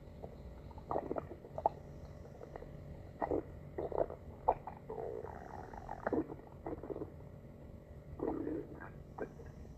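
Irregular gurgling and squelching bursts from a pet's belly, typical bowel sounds of stomach growling.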